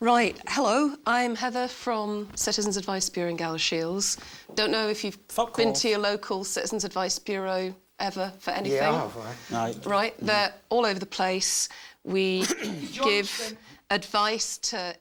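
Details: Adult woman speaking; no disorder.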